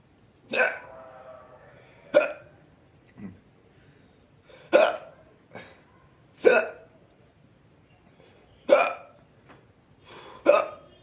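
Sharp, abrupt vocal catches recur about every two seconds, with a few softer ones between: repeated hiccups.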